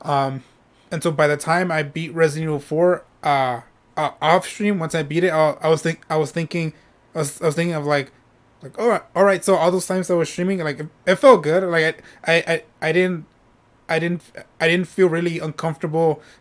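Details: Adult male streamer who says he stutters when speaking and often repeats himself; stuttering.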